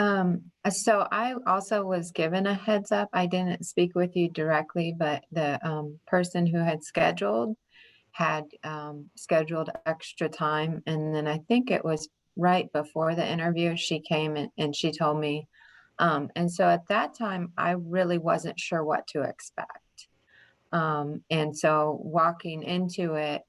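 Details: Adult woman speaking; normal fluent speech.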